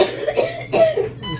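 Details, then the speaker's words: Cough from an adult woman with cystic fibrosis in the emergency room for post-operative issues, receiving IV contrast: two short, harsh cough bursts with a beeping IV in the background. "A lot going on. Coughing, beeping IV."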